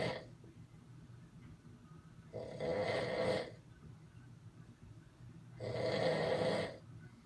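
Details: Snoring from a person described as "in a coma in Vegas": loud, rough snores with quiet pauses, about two snoring breaths in seven seconds; ordinary heavy snoring.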